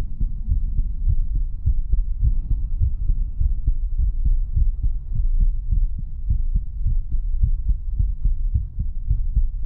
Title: VTuber ASMR ❤️ 30 Min Heartbeats Sounds